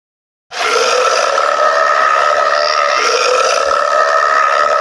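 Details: Burping contest: a long, sustained, steady-pitched belch lasting about four seconds.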